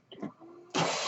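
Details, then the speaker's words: Mechanical ventilator sound from the speaker's own ventilator, heard while an adult born in the mid-1980s talks on a podcast: a faint low hum, then a sudden loud rushing whoosh of air as a breath is delivered. "Hello everyone, my name is. That noise you're hearing is my ventilator."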